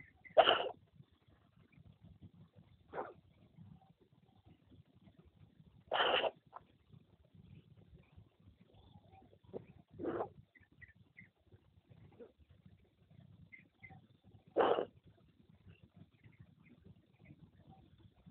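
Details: Pregnant cat with a cough: five short, harsh, forceful coughing bursts spaced a few seconds apart over quiet background.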